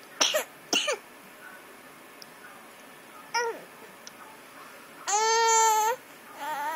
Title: Cough 7-31-2012